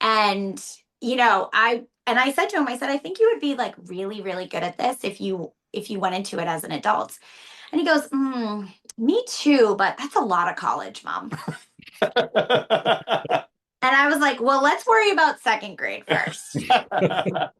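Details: Adult woman speaking; normal fluent speech.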